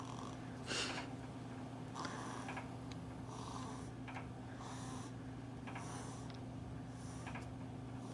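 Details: Baby sleeping in a new swing in a basement, with soft, regular, snuffly breaths, about seven in eight seconds, under a steady mechanical hum. Light infant snoring.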